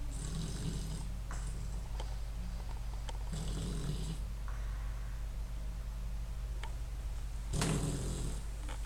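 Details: Sleep snoring: rough, rumbling snores repeating over loud steady background hum.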